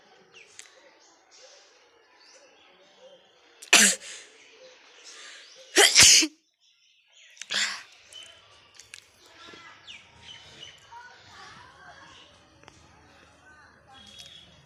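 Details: Sneezing challenge recording: three sharp, explosive sneezes, each with a brief intake of breath before it, over quiet room noise.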